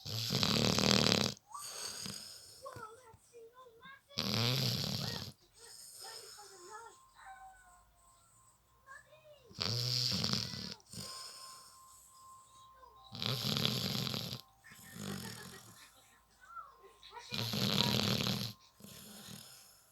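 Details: Loud, harsh rattling snores on each breath, four to five in twenty seconds, with faint talk and squeaks between; snoring.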